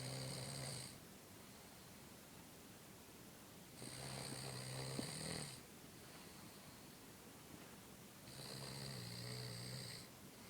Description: - Cousins Snoring -_-